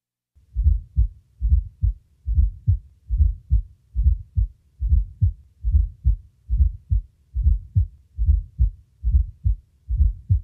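A regular heart rhythm at about 71 beats a minute, each beat led by a soft, low extra sound just before the first heart sound. This is a fourth heart sound (S4), produced when the atrium pushes blood into a stiff ventricle late in filling.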